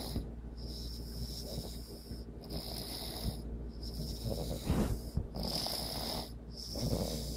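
Rough, rattling breathing sounds come in repeated cycles during sleep, with a steady low hum in the background; this is snoring.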